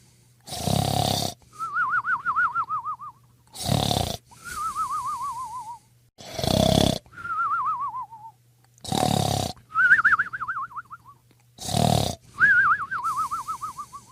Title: Is fast asleep. sweet Dreams! #snoring# #sleepingangle#